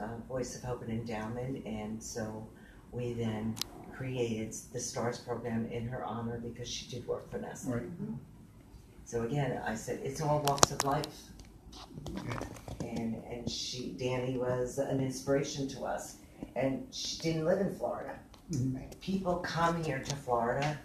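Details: Man with aphasia after a stroke nine years earlier, with complete right-sided weakness, speaking; post-stroke aphasia.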